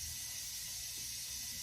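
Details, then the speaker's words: Nursing skills test, checking a non-adjustable suction unit before suctioning (target 80–150 pressure): steady hiss of airflow from the suction machine, running as expected. "And then next, we want to make sure we check our suction. This doesn't allow me to adjust it, but we want it in between 80 and 150 for proper pressure of suction."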